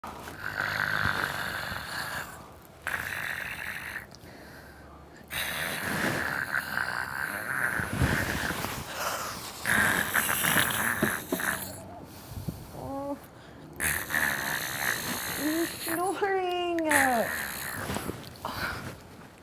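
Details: Acted comedy skit of a woman playing twins, one keeping the other awake: loud, harsh snoring in repeated noisy breaths with snorts, and whistling, squeaky sounds near the end; snoring.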